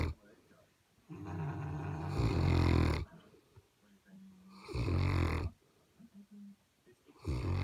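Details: Two sleeping St Bernard dogs: loud, low rattling snores on each breath with softer tonal whistles between; ordinary snoring.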